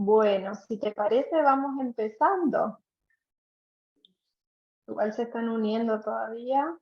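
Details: Adult woman speaking Spanish; ordinary speech.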